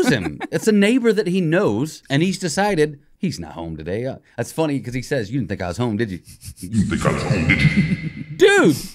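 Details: Adult male speaker; Normal conversational speech.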